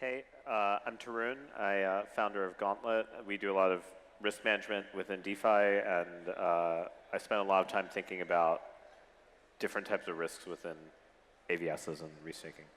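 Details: Adult man speaking; Normal adult speech.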